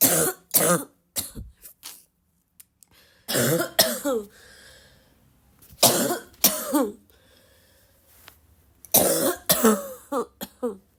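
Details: Repeated harsh coughs in short bursts with quiet gaps, some followed by throat clearing; a persistent, possibly barking cough in a girl who is still sick, part of a coughing fit.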